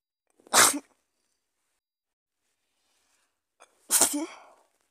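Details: Person with a cold sneezing: two sharp, explosive sneezes a few seconds apart, the second followed by a brief trailing exhale.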